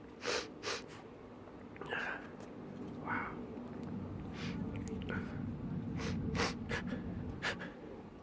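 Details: Allergy sneezing fit: run of short, sharp nasal sneezes and snorts with breaths between, the person saying they are going to sneeze again.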